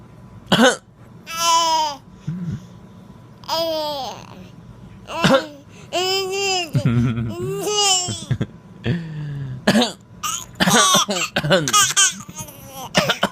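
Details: An adult's few short, dry coughs, mostly deliberate after one real cough, each followed by a baby's high, bubbly laughter.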